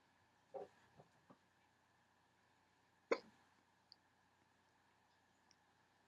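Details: Two sharp, abrupt hiccups about two and a half seconds apart with faint softer catches in a quiet room; hiccups.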